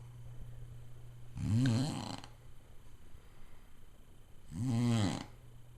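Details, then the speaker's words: Two loud, rough, rattling inspiratory snores about three seconds apart over a low room hum; a sleeping father's loud habitual snoring, audible from another room; family suggests a sleep study. "I got Dad on tape snoring."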